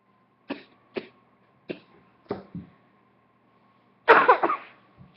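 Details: About seven short, dry coughs in a quiet room, ending in a louder cluster and one last small cough.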